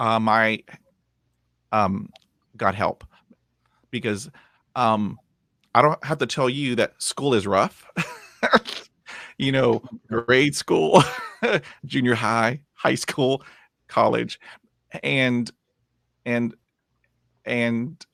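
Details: Lifelong stuttering in a 51-year-old man after 20 years of speech therapy, which he says took him from zero to about 80 percent improvement, with continuing blocks and repetitions; stuttering.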